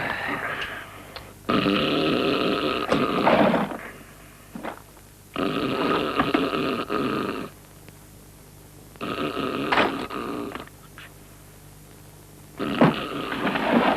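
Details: Film scene from The Family Man with music: loud, rough, rattling noises recur every few seconds with quiet pauses, about four in this stretch; snoring.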